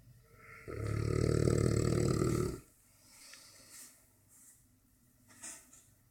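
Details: One long, loud, rattling low-pitched snore then quiet breathing from Bubba, a sleeping Dogue de Bordeaux; snoring so loud it can drown out the TV.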